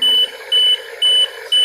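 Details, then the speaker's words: Oxygen concentrator with low oxygen purity, flow reduced while testing, after patient complained he could not tolerate its flow: repeated high-pitched electronic beeps, about two per second, over steady machine hum; concentrator alarm that comes and goes. "So t saka nag-a-alarm siya. Meron siyang ina-alarm pero nawawala-wala yung alarm niya guys."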